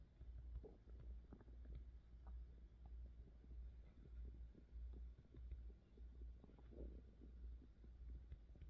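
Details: Stomach growling in hunger: low, irregular gurgling and rumbling over a steady low hum, with bursts of bubbling gurgles, ordinary bowel sounds (borborygmi) of digestion.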